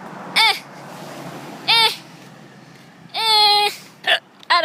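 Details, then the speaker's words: Person walking down the street back to school: brief sharp voiced catches recurring every second or so, with one longer vocal sound; repeated hiccups. "um I have the hiccups I'm walking down the street um to go back to school"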